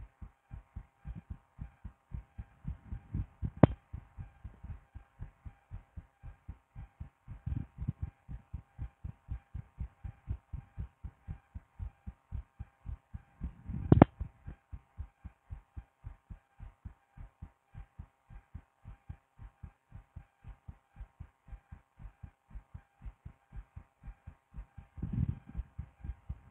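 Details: Adult woman's own heart heard through a stethoscope, steady regular low thudding beats with a few brief rustles from chest-piece movement: heartbeat.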